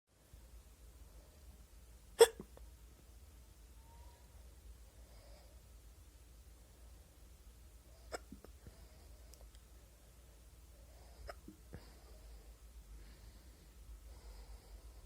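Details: A person's recurring hiccups after a week of frequent hiccup episodes: sharp, abrupt gulping clicks a few seconds apart in a quiet room, a run of hiccups.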